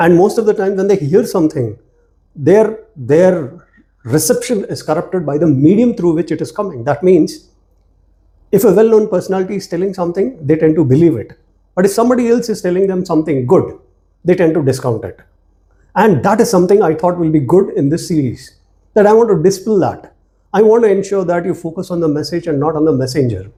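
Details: Adult man speaking; normal speech.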